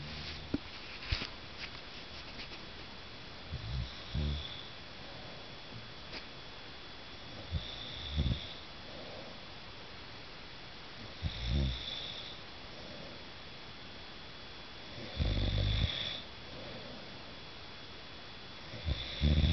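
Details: Adult man (husband) snoring in the dark, recorded by his wife: low, rough, somewhat irregular snores about 16 per minute against steady room hiss; snoring.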